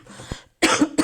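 After a brief quiet stretch, an adult gives two sharp, harsh cough bursts in quick succession, with some voicing. A plain cough.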